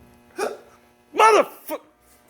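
Short, abrupt voiced hiccup sounds, one isolated and then a pair, in a quiet setting.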